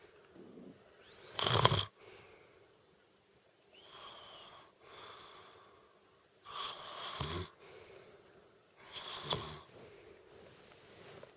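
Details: Wife snoring: rough, rattling snores on breathing in, about four in eleven seconds, with whistling, wheezy out-breaths between them; snoring.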